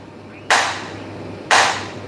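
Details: Extracorporeal shock wave lithotripsy of a kidney stone in a 41-year-old man, ultrasound-guided, on 22/6/2022: two sharp, loud cracks about one second apart over a steady hum; shock wave pulses.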